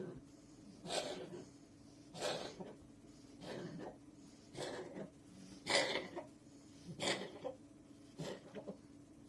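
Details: Hairless Sphynx cat with hypertrophic cardiomyopathy (heart disease) causing cough: repeated soft, hacking bursts about every second and a half, about 45 a minute.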